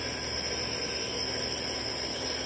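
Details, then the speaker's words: Oxygen-driven nebulizer giving albuterol sulfate 2.5 mg in 3 ml, flow meter at 4 to 6 L/min over 5 to 15 minutes, in an EMT practical skills demonstration: steady, even hiss of the aerosol treatment. "we're going to set the flow meter to four to six liters per minute so that we can administer the treatment over five to fifteen minutes"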